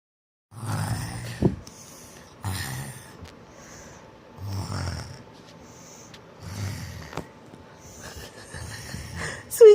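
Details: A little boy acts out snoring for fun: repeated snorting and rattly breaths at a steady pace, an imitation rather than real sleep.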